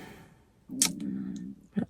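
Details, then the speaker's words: A person's stomach rumbling, heard as a low, drawn-out gurgling growl lasting under a second, during a weight-loss vlog. "oh, did you hear that? That was my stomach rumbling."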